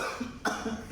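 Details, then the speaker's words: Adult actor's simulated cough for a cough syrup ad audition: two short acted cough bursts, an imitation rather than a true illness cough. "लगता है आपके पूरे परिवार को खांसी है, पड़ोसियों को भी और मोहल्ले वालों"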